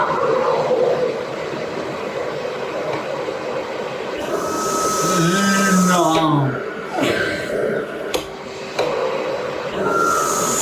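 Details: A Philips CoughAssist T70 used through a face mask for daily airway clearance in a woman whose disease impairs her cough. Air blows in, pauses, then a strong suction phase pulls air out, with faint background music.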